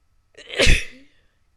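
A single brief sharp sneeze with a short intake before it, in a quiet room.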